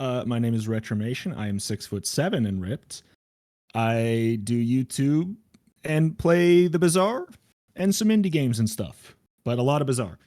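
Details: Adult male speaker; normal voice.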